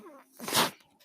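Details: A podcaster's own mechanical ventilator, recorded while he speaks: a brief breathy whoosh of air as it delivers a breath.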